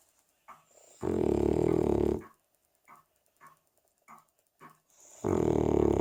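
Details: A 3-year-old Cavalier King Charles Spaniel asleep and snoring: two long, loud, buzzing snores about four seconds apart, with soft snuffling breaths between them.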